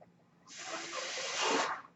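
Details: After a quiet moment, a steady airy hiss builds for over a second then cuts off: one breath cycle from the speaker's own ventilator, heard while the speaker talks.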